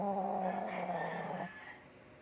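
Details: Shih Tzu dog snoring: a short, nasal, whistling snore on one breath, fading into quiet.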